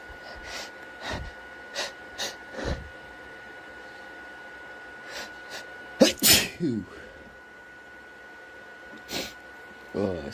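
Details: A run of sharp sneezes with gasping breaths between and a steady background hum; allergy-triggered sneezing fit with tissue use, followed by nasal congestion and a sore throat.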